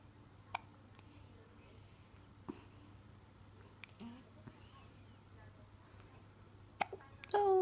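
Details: Newborn baby, 4 days old, hiccuping: short, sharp hiccup sounds at irregular intervals over steady room hum, with a voice starting at the end.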